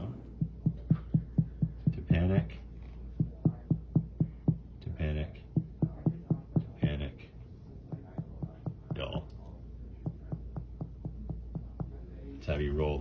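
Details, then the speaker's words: Finger-tap abdominal percussion over the stomach area, quick runs of mostly hollow, drum-like tympanic notes, with dullness not shifting; demonstration for respiratory therapy teaching. "next you'll see the word tympanic timpani now this sound is going to be heard over your stomach area okay it's kind of like a drum like sound"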